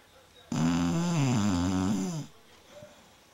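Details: BeeBee snoring while dreaming: one long, low, buzzing snore with wavering tone lasting nearly two seconds in a quiet room; snoring.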